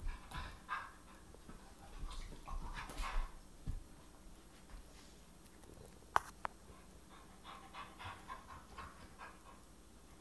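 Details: Soft, rhythmic dog panting with a couple of brief sharp clicks over faint room noise, while female dogs play roughly, clacking teeth and groaning.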